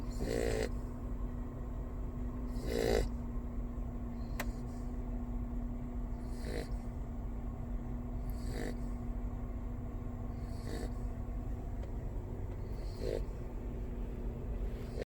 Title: Me snores like mommy 2...